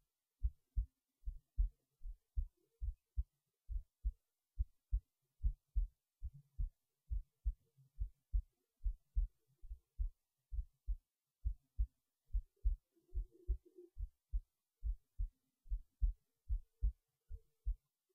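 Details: Heartbeat recorded late at night while resting in bed before sleep, steady regular low thumps at about 70 beats a minute; normal resting heartbeat.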